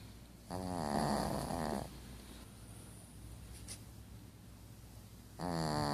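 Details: Sleeping, passed out; two loud rattling snores with a quiet pause between them over low room noise; snoring.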